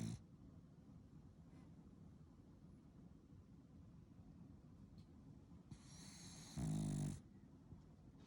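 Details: Sleeping French bulldog born 6 March 2020, snoring: quiet low breathing, then one louder rattling snore.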